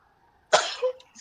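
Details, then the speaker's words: A person sneezes: a single sudden, forceful burst of air that fades quickly, with a faint room hum before it. "me bless you you're going to get get away your position if you keep sneezing"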